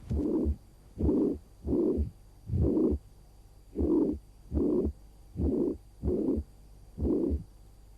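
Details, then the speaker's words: Auscultation at the axilla: heartbeat about 73 a minute with a blowing murmur filling each systole, radiating from the apex laterally to the axilla, intensity about grade 3; radiating systolic murmur. "sekarang ke arah aksila ternyata ada penjalaran sistolik Mer Tadi ke arah lateral dan ke arah aksila derajat intensitas dari bising sistolik ini adalah lebih kurang tiga"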